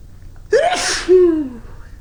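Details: Single loud adult sneeze, a winter sneeze after clearing snow outdoors, with a runny nose afterwards. A sharp voiced intake, then an explosive burst of air trailing into a falling vocal sound.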